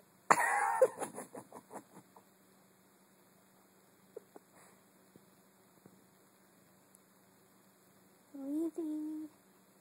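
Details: Recorded on an Android phone: a burst of several quick coughs that fade out, followed later by a short squeaky sound; plain coughing fit, in a clip titled wheezy snores.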